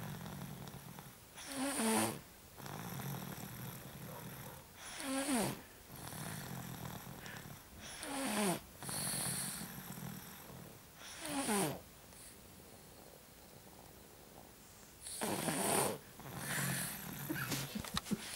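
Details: Loud, rough snores about every three seconds, roughly 18 to 20 breaths a minute, over steady room noise, after a tiring day of shopping, playing and tantrums: snoring.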